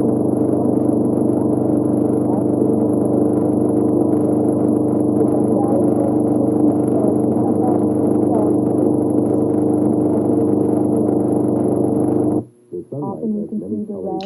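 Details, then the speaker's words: Simulated high-frequency sensorineural hearing loss: speech with background noise becomes a dense, muffled, underwater-like low rumble with crisp high sounds removed, making the talking voice hard to pick out. "themselves just notice how everything just sounds a little bit kind of underwater a little bit muffled"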